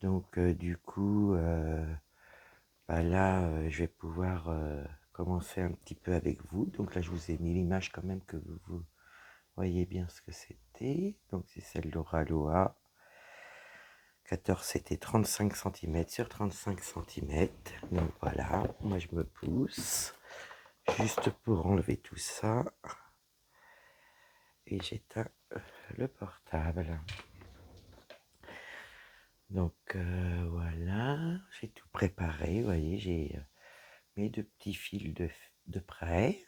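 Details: Woman whose vocal cords were damaged by a serious health problem; her voice is deeper than before, at times she has little voice, and she cannot speak loudly; low-pitched, weak voice; dysphonia.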